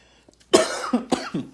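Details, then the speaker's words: Adult woman's nagging cough during a crafting video: a short burst of three dry, harsh coughs in quick succession, a coughing spell she attributes to having brought some air in. "excuse me I apologize for that actually I think this might work"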